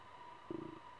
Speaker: that is my stomach if you can hear that I'm really sorry that sounds really gross